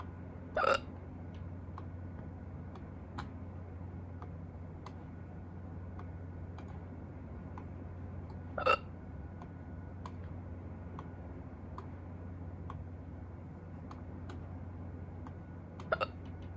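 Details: Hiccups, the first in a long time, recorded in a hurry: three sharp, abrupt gulping bursts spaced several seconds apart over low steady room hum.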